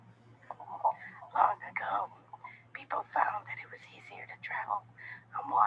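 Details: Middle-aged woman with a voice problem for five months, unclear cause, unhelped by six speech-therapy sessions, reading a passage during a vocal capability test; dysphonia.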